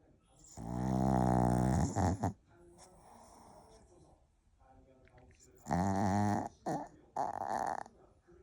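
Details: A sleeping puppy snoring: loud rumbling snores on each breath in, with short snorts between; harmless puppy snoring, with music in the background.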